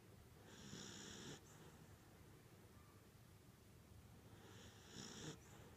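Two soft, raspy inhaled snores about four seconds apart from a sleeping small animal, likely a cat, over low room hum.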